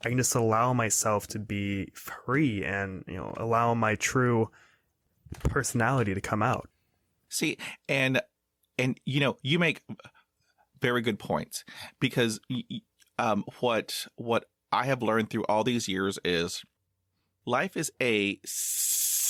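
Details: 22-year-old man who has stuttered his whole life, recently reaching confidence and acceptance of it, speaking in a real podcast interview; stuttering.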